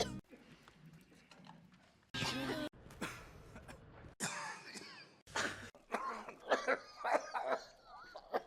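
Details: Acted coughs from a movie supercut of cinematic coughs and sneezes: several short coughs and throat-clearing bursts cut together, with snippets of dialogue between.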